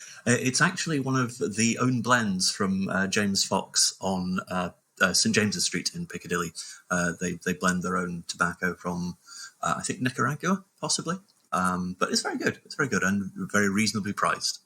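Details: Adult male speaker; ordinary speech.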